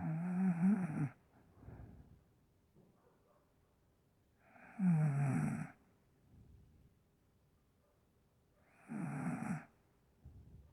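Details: Girl's very heavy snoring: loud, rough snores on each breath in, about three in ten seconds, with quiet breathing out between them.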